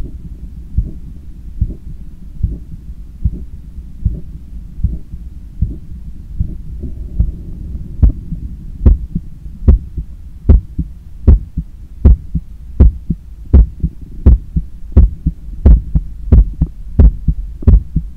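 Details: Normal heart sounds recorded with a stethoscope on the chest after a 10 km run, lying on a daybed leaning on the left side while controlling breathing: steady, strong heartbeat about 80 a minute, louder after the first seconds, low room hum.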